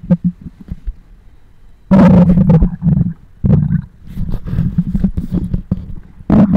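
Loud, low gurgling growls in irregular bursts from the belly; ordinary bowel sounds from gas and fluid moving through the gut.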